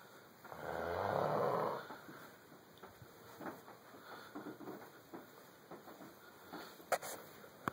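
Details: One long, loud rattling snore followed by softer snuffling breaths during sleep; snoring.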